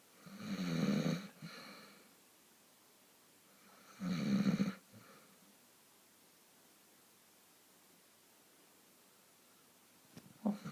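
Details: Two slow, rumbling snores with long quiet pauses between them in a quiet room.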